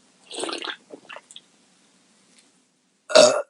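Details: Burping from a woman after chugging seltzer (beer also drunk): a few short gurgles, then one loud, drawn-out belch after a fizzy drink.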